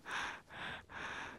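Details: A congested breastfeeding infant girl recorded in an anechoic chamber: quick, harsh snorting, wheezy breaths with frequent feeding interruptions to catch her breath, noisy nasal breathing from congestion.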